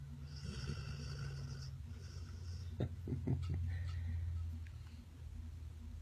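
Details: A sleeping cat snores: low, rumbling, loud and steady snore with a few soft clicks partway through.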